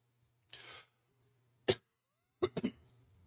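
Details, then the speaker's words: Streamer sick with a sore throat coughing while playing a driving video game: breathy exhalation, one sharp cough, then a quick burst of three coughs over low engine noise. "Coughing and driving almost 400 km an hour is not a good combo."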